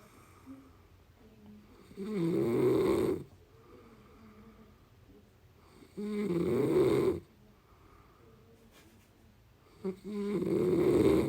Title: পাগলের নাক ডাকা | Snoring